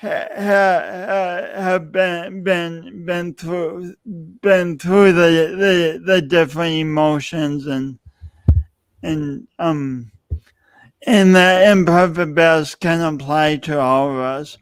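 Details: Adult male speaker; speech impediment.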